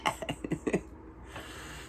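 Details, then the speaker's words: Quick run of four or five short coughs from an adult with a cold (dry throat, sore nose, headache, weakness), taking DayQuil, then quiet room noise. "I'm tired. I'm sick. I've been taking Dayquil."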